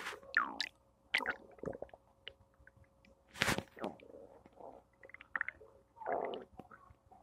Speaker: Thursday morning stomach noises.